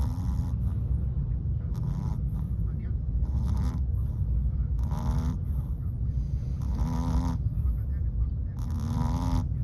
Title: Chihuahua snoring… Mochi in the taxi going home.